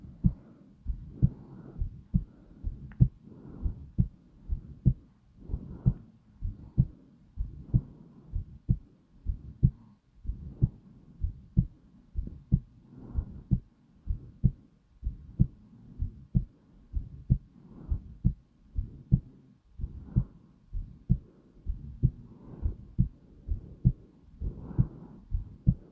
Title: slow heartbeat sound calm & peaceful